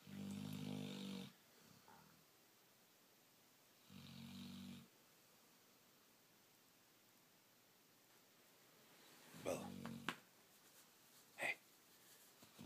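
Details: Female black Labrador, tired after a late night, asleep: two rough, rumbling snore breaths, then quieter breathing and small movement noises; snoring.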